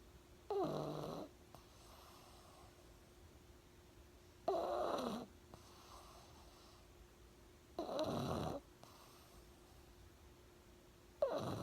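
Loud rattling snores about every 3.5 seconds, roughly 17 a minute, with quiet breathing between; snoring in a sleeping flat-faced dog.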